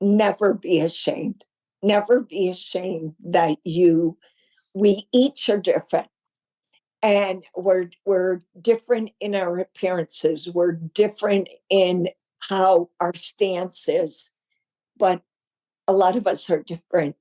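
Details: Adult woman with the voice disorder since 1993, reporting voice spasms, hesitation and shortness of breath while speaking; spasmodic dysphonia.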